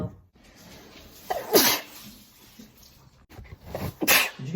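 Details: Two sharp, hissing sneeze bursts about two and a half seconds apart, with faint sniffing between them.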